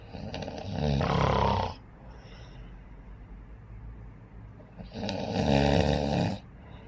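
Two loud, harsh, rattling snores about four seconds apart with quiet breathing between; heavy snoring.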